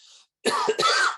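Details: Throat clearing.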